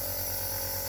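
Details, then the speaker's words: Compressor nebulizer switched on, partly disassembled, showing water misting up by the low-pressure method: steady buzzing motor hum with a fine hissing airflow. "இப்ப இந்த மிஷினை on பண்றேன் எப்படி நீரை விமதி வருதுன்னு பாருங்க"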